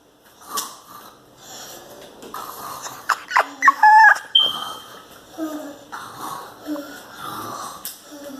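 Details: A grandson mimics his grandmother's snoring during sleep with irregular noisy snorts and high whistling breath sounds; imitated snoring.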